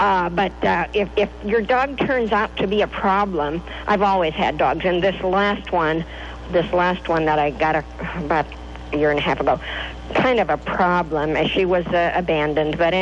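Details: Adult speaker on radio call-in; ordinary speech.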